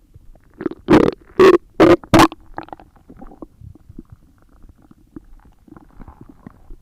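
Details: ASMR recording of stomach growling: four loud gurgling bursts, then softer scattered bubbling and rumbling; ordinary bowel sounds (borborygmi).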